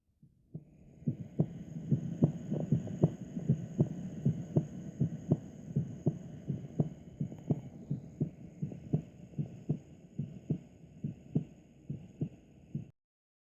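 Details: Normal heart sounds heard through a stethoscope: steady paired lub-dub thumps at about 95 a minute over a faint hum.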